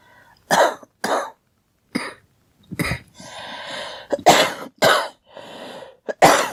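A run of about eight sharp coughs with short breaths in between, in a quiet room.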